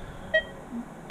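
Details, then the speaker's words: Masimo MightySat fingertip pulse oximeter, reviewed for veterinary anaesthesia use: a single short electronic alarm beep over quiet room noise; alarm sounds can be switched on or off and alarms set. "you can turn on and off the sound you can turn on and off the sounds of the"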